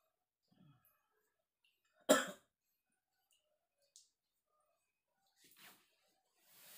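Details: Adult man feverish with a cold (masuk angin) at dawn during rainy season: single sharp, dry cough in a quiet room, followed by faint breathing sounds.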